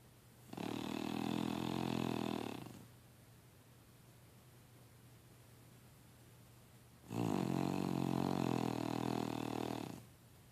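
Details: Snoring: two long, loud, rumbling snores of about two to three seconds each, with a quiet gap of roughly four seconds between them.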